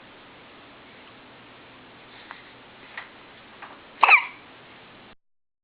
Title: Hiccups